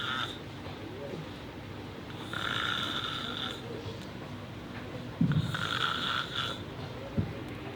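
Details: A sleeping male snoring: two drawn-out, rough, buzzing breaths with a snort between them, over a faint background hum.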